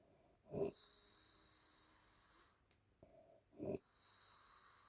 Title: Grandma snoring Part 1 #funny